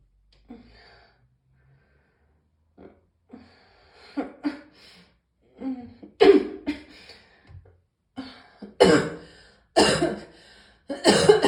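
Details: An adult's morning cough: a series of harsh, increasingly forceful coughs with throat clearing, in a quiet room.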